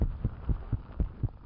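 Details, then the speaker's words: Stethoscope on newborn girl, somewhat unhappy: quick regular heartbeat near 120 a minute, pure unsplit first and second sounds, correctly located, no murmur. Normal heart sounds. "okay her heart tones are pure and they're correctly located i do not hear anything in the way of a murmur at all"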